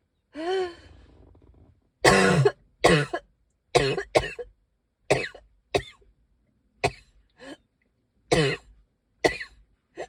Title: I can hardly breathe- wheezing, coughing